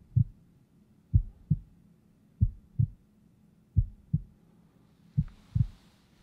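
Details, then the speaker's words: Normal heart sounds heard by stethoscope during a role-played yearly physical exam: clear, regular lub-dub at about 45 beats a minute with no extra sounds. "you know as we expect everything sounds entirely normal and i'm going to let you take a listen as well"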